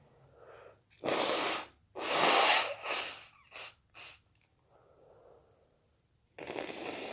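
Two loud sneezes with wet, spraying bursts, followed by short sniffs and breaths; a further burst at the end.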